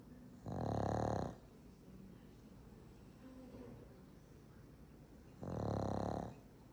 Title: Exhausted Franky Franks… Tony is snoring 💤 in the background, too. ♥️ #pugs #mypug